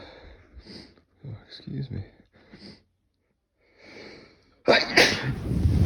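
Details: Sneezing attributed to a candle allergy and a cold (person thinks they've got a cold): quiet breathy vocal sounds and sniffs, then one loud explosive sneeze near the end.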